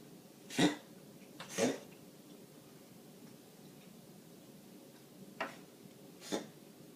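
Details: Male cat's regular cough, rarely bringing up a hairball, vet says he is fine: four short, dry hacking coughs in two pairs separated by a pause.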